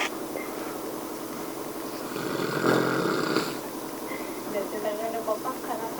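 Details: Loud, rough, rattling snore on the breath in, with some background noise and faint voices.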